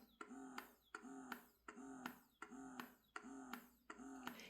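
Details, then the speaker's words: Eufy E20 wearable breast pump, rated under 46 dB: quiet, rhythmic whirring cycles, about 80 a minute, each starting with a soft click; breast pump motor running normally. "Now in terms of noise, I get this quite often. It is less than 46 dB."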